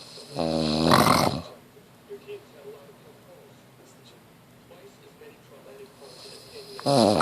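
Two loud, rough, rattling snores about six seconds apart, with quiet breathing between them; ordinary snoring.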